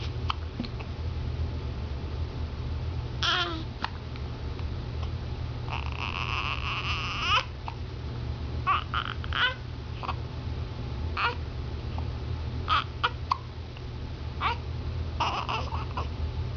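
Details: Infant crying: short fussy cries and whimpers with brief sharp catches, possibly hiccups, over steady low room hum.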